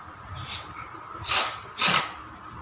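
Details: A cat with a wheezing problem that died a few weeks after this recording at home in March 2021: harsh, hissing, wheezy breaths in quick bursts, suggesting narrowed airways.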